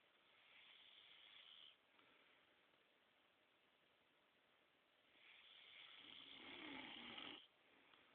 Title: Snoring Badly